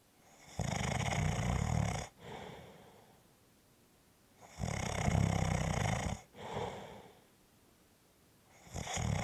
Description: This is a 5 1/2 minute clip of snoring.